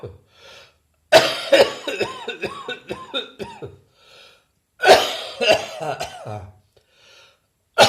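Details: Person gives two harsh coughing bouts, the first trailing into a run of short voiced hacks, then a final single cough; loose, phlegmy-sounding productive cough.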